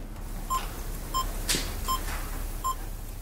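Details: Three short, evenly spaced pure-tone beeps in a quiet room, followed by brief speech; test tones relating to a cochlear implant.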